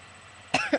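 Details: Woman 31 weeks 6 days pregnant, extremely short of breath lately, gives two short harsh coughs in a quiet room after briefly choking.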